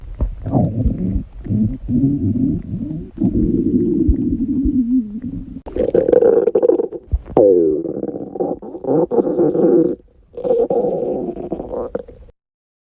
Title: My Little Friend Stomach Growling